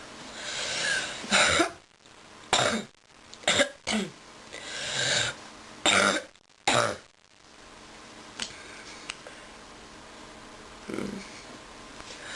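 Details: Coughing while sick: several harsh coughs, some in quick pairs, followed by quieter breathing and room noise.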